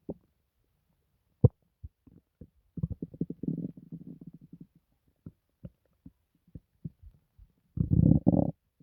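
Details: Loud stomach noises, borborygmi, from the belly of a person who reports no pain, feels fine, and was recently in hospital for an unstated reason: irregular low gurgles, clicks and bubbling rumbles, stomach grumbling.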